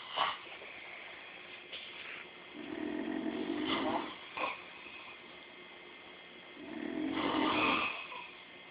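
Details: Two sleepers snore simultaneously, with low, rumbling snores in long swells and short sharper snorts between them: snoring.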